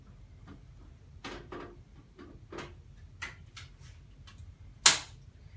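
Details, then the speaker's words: Alaris infusion pump: light handling taps, then one sharp click as an add-on channel module is released from the main unit's side clip by pressing a blue button. "all you have to do is hook on here you just push it on and then push and you can hear it click"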